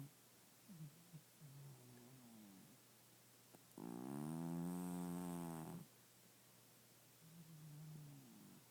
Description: Our cat Murphy Snoring. I know it's dark but maybe you can hear it. He snores all the time and he gets LOUD!